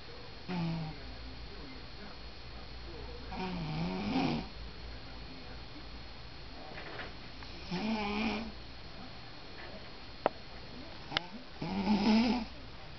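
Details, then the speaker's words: Woman snoring asleep in a hotel room, recorded secretly: soft, rattling snores during breathing in, about four in thirteen seconds, slightly irregular, with low room hum. "Here I am in the hotel and I just wanted to share with her her snoring capabilities"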